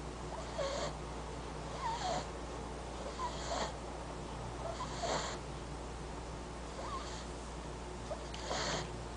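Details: Soft rhythmic snoring with a faint whistle on some breaths, about 40 breaths a minute, from a sleeping French bulldog puppy; snoring.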